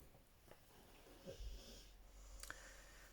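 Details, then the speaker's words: A pet dog sleeping in a quiet room gives a soft, low snuffling snore, with faint clicking in the background: ordinary snoring. "blue you can hear snoring and she obviously loves it when um it's a holiday and dad's not in the office because um she considers those days to be like Sundays whereby takes her for a super long walk during the day rather than an evening walk"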